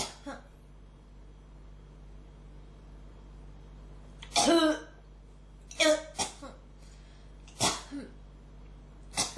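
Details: Persistent cough: five or six short, harsh cough bursts in close succession with quiet pauses, felt strongly in the throat and hard to bring anything up.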